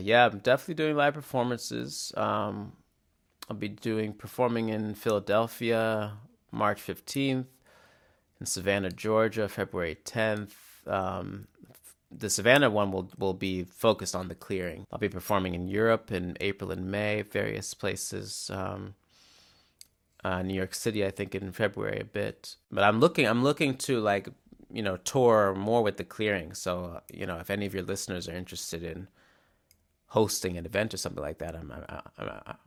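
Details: Adult male musician who stutters, mainly with glottal blocks that are often silent, plus repetitions; stuttering.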